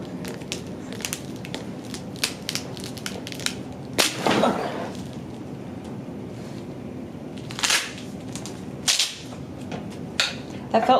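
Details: Loud crack with a brief rush of sound, then several sharp pops during Y-strap traction decompression in a woman with scoliosis at a chiropractic session; spinal joint cavitation.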